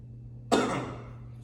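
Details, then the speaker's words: Adult gives a single short, sharp voluntary dry cough with no sputum on request during a nursing respiratory assessment lab. "okay that's a little dry but it's okay and you didn't have any spoon that came out so that's awesome"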